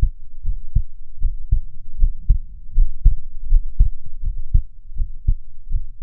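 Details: Nearly unedited recording of a person's own resting heartbeat, steady soft low thumps in regular rhythm at about 78 beats a minute, breathing slowly to keep the rate down; normal heart sounds.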